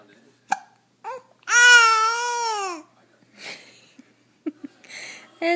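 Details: 9-week-old infant boy gives sharp hiccup catches and a long tonal yell between short vocal bursts; hiccups while vocalizing.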